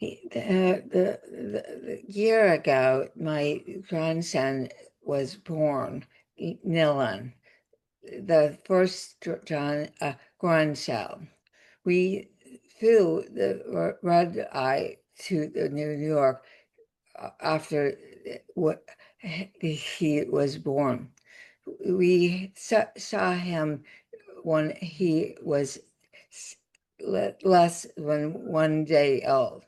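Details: Adult woman with aphasia after a significant stroke that also caused paralysis, speaking in conversation; aphasia.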